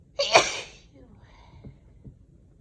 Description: Excuse my sneezy nose 🥺 It has been so sensitive this last week couple of weeks!